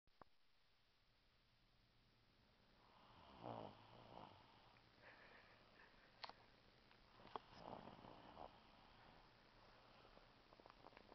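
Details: A sleeping 6-year-old boy, said to have REM sleep and to jump slightly when spoken to while asleep, makes soft, faint rasping breath sounds against quiet room noise; light snoring, though he reportedly snores loudly.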